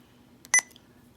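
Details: Sapphire IV infusion pump being programmed during an ambulance service in-service, setting rate and bag volume: a quick double electronic keypress beep, a normal device sound.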